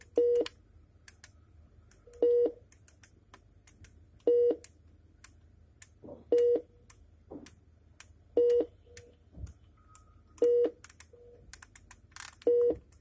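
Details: Philips IntelliVue MP20 multiparameter patient monitor during a demonstration of its menus and measurements. Regular electronic beeps at about 29 a minute, with button clicks in a quiet room.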